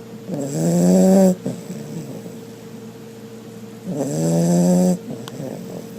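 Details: Sleeping pit bull snoring very loudly: two drawn-out rattling snores about three seconds apart, each with a low buzzing vibration.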